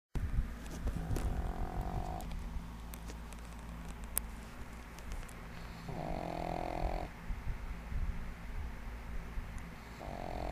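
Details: Female pug, 1.5 years old, sleeping soundly on her bed and snoring loudly like a human: low, rumbling snores about every four seconds over steady background hum in a small room.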